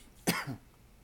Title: Starting off 2018 with Thanks and some coughs